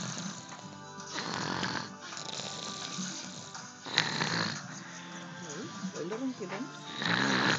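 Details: Loud, harsh snoring from a sleeping boy barely 1 year old, about 20 snores a minute, with faint voices or music in the background.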